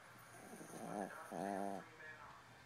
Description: A yorkie sleeping and snoring :]